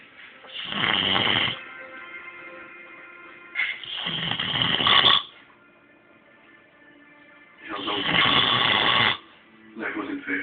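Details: Person described as high, loud rough snores about 16 a minute, each a second or more, quiet gaps between, faint background hum; snoring.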